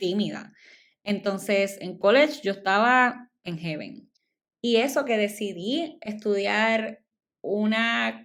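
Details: Adult woman speaking Spanish, stuttering since childhood; she says it shows less when recording alone and is stronger in Spanish than in English; stuttering.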